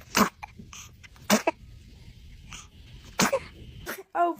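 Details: Baby sneezing: three abrupt, explosive sneezes, each a sharp burst of air, with a quiet adult voice saying "bless you" between them. Sneezing.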